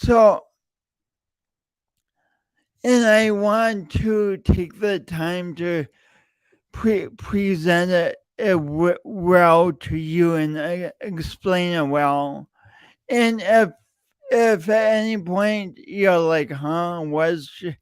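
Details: Stuttering-like disfluency: a longstanding speech impediment in an adult male podcast host, audible whenever he speaks; real speech with repeated words throughout.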